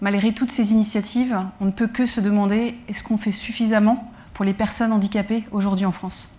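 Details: Adult woman speaking French; normal speech.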